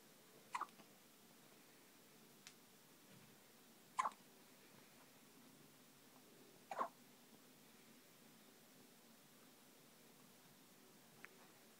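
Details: Hiccups in a newborn baby boy nearly 24 hours old, in hospital: three short, sharp hiccups roughly three seconds apart in a quiet room.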